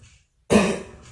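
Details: Simulated effective cough technique demonstrated for basic nursing care: a brief silent breath-hold followed by one forceful cough burst to clear the airway.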